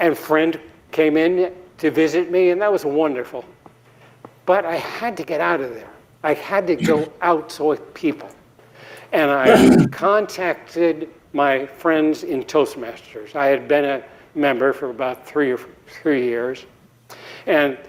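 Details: Adult man giving a TEDx talk after a 2017 embolic stroke due to atrial fibrillation, at an earlier recovery stage. He later says he was still speaking poorly then. Recovering post-stroke aphasia.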